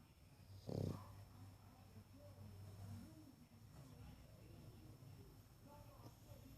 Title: Gotti snores while he's awake.